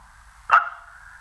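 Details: Bark-like vocal tic noises just before speaking at a press conference, from an adult man with severe Tourette syndrome whose tics began around age 10.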